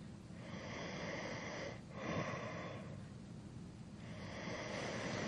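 Slow, rough breathing noises with a fluttering, snorting quality on the breaths; snoring during sleep.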